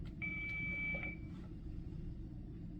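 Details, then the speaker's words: Single steady electronic beep of about a second as a Philips FR2 AED is switched on with the green on/off button during a training demonstration of a simulated cardiac arrest response, heard over quiet room noise; AED power-on tone. "The AED is now on the scene. We can open it and we press the green on/off button to turn it on."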